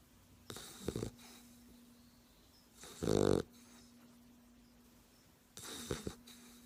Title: Puppy snoring